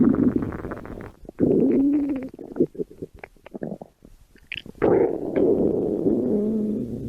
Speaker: Oh my, my tummy growling. I'm hungry.